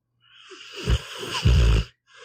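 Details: Sleeping pitbull dog: two low, rumbling snorts on a single breath, snoring.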